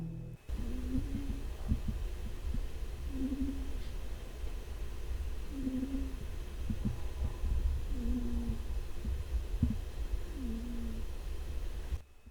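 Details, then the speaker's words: Sleeping cat snoring: soft, regular, faintly tonal snores at about 24 breaths a minute over steady low rumbling background noise. "Also, here's a little clip of my cat snoring."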